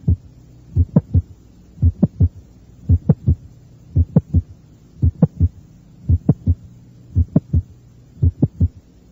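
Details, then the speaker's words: Teaching recording at the mesocardial area: slow regular heartbeat near 56 a minute, normal heart sounds first, then a sharp mid-systolic click introduced between the first and second sounds. "eso fue un chasquido mes o sistólico los ruidos cardíacos son normales"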